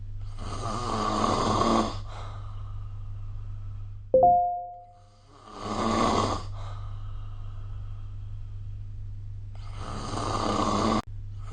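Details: Snoring recorded with the SnoreLab app: three rattling snores on the in-breath, spaced about four to five seconds apart, over a steady low hum and a brief chime.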